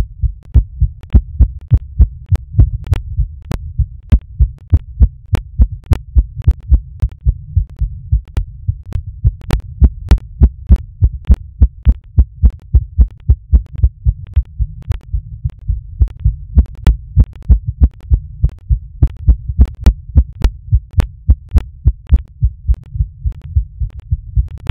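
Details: Heartbeat recorded during masturbation: fast, steady low heart thumps at about 100 beats a minute, a quickened but normal rapid heartbeat.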